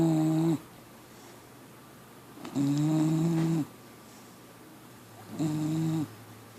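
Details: Four-month-old pit bull puppy asleep, snoring like a grown man: loud, steady buzzing snores about every 2.5 seconds with quiet pauses between.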